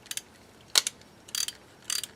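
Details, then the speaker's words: Ratchet wrench with square driver ratcheting a 2.0 mm narrow diameter implant into a practice upper maxillary model to correct angulation: sharp bursts of quick ratchet clicks. "i can then place it corresponding to my two millimeter insert and then just start ratcheting it down verifying that my lingual hole is straight on the lingual and now my angulation is much much better"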